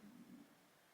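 A brief, low, gurgling rumble fades after about half a second against quiet room noise: ordinary stomach rumbling (borborygmi) before a meal.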